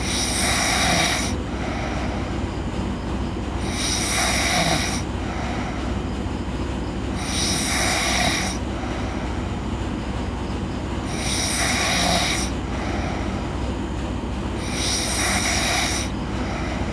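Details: Sleeping girl: five harsh snores at a steady pace, about 18 breaths a minute, over a constant low rumbling background; snoring.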